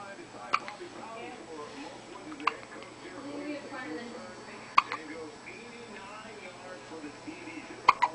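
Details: Baby who often gets hiccups: five sharp, sudden catches at irregular intervals, roughly 20 to 40 a minute, over background talk; hiccups.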